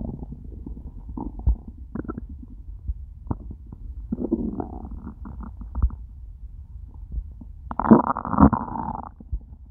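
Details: Loud gurgling and rumbling stomach noises in irregular bursts after eating nothing all day; the stomach started to hurt by the end of the recording; hunger borborygmi on an empty stomach.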